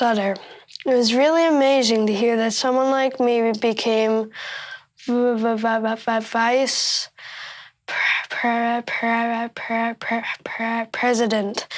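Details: 13-year-old boy with stuttering who practices by marking his addresses to make them easier to say aloud; stuttering.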